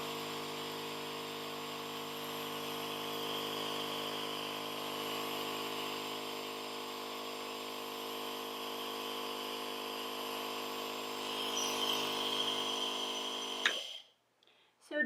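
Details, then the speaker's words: Nebulizer compressor running during a respiratory therapist's demonstration with a reusable nebulizer kit and mouthpiece; steady mechanical hum and buzz, ending abruptly as it switches off, faint background music. "so now i'm going to turn it on and when i do that you're going to be able to see the medication"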